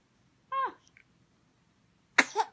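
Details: Sneeze in a 9-week-old male infant: a brief squeal, then one sharp sneeze burst with a short wet trailing sound and spit; an ordinary, harmless baby sneeze.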